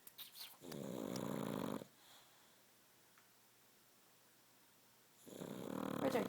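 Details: Sleeping dog snoring: two long, rough, fluttering breath sounds separated by a quiet pause.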